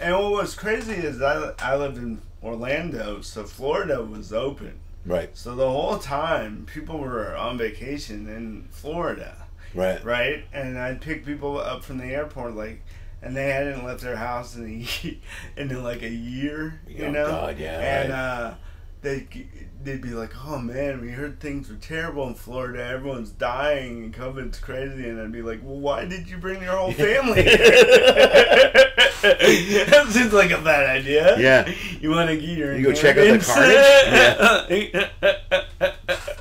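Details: Adult male comedian with lifelong dysarthria from cerebral palsy present since birth, speaking on stage; says he always sounds like this; dysarthria (cerebral palsy).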